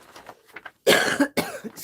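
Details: Cough.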